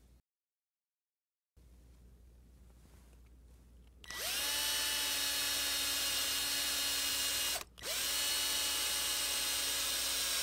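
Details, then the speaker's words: Steady high-pitched surgical power drill whine with a brief pause: a cannulated drill bit creates a canal along a guide wire into the fibular head of a saw-bone model before a half-pin is placed, during a workshop on Ilizarov/TrueLock frame application for uniplanar angular deformity correction. "And now we are placing half pin inside the canal we created with cannulated drill bit. We are drilling the half pin until it starts capturing the fibular head, and then we will complete our half-pin insertion manually using T-wrench."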